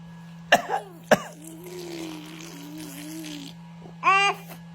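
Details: An infant girl gives two short, deliberate fake coughs, then a drawn-out voiced hum and a brief vocal burst. She has been imitating her parents' coughing for a couple of days: a voluntary, imitated cough.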